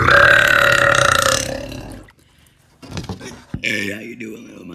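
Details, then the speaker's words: Woman burping while in the bath: one long, loud, deep burp lasting about two seconds, then a pause and shorter voiced sounds. "yes I'm in the bath washing my ass burping"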